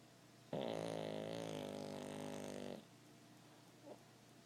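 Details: 8-year-old dog in deep sleep: one long, rattling, fluttering snore lasting about two seconds, then a faint snort; ordinary sleep snoring.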